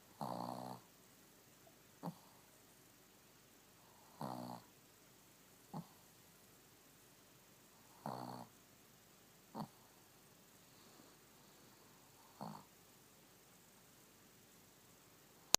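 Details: A female Shih Tzu snoring with her eyes open: short, snorting snores on each inhalation, each followed by a faint puff of breath, about four breaths in fifteen seconds, in a quiet room.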